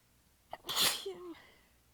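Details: A short intake of breath, then one forceful hissing sneeze, held back from exhaustion and sore abs, trailing into a brief voiced sound; part of a massive sneezing fit.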